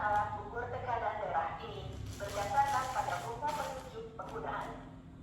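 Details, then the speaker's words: Digital talking blood pressure monitor (tensimeter) just plugged into mains power via its adaptor immediately speaks synthetic voice usage instructions before the cuff is fitted on the arm; faint room noise. "kemudian kita masukkan ke listrik Nah sinyal istrinya masukkan Oke ini langsung ada suaranya"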